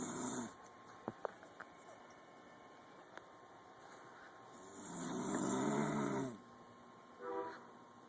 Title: snoring